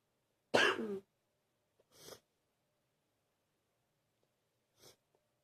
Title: # 86 deep coughing continues